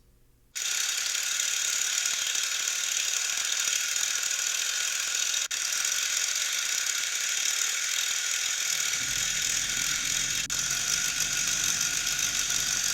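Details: Phoenix (formerly Rocket) home low-intensity shockwave therapy device for erectile dysfunction, applied along lines on the flaccid penis: steady, rapid, mechanical rattling buzz of continuous pulses.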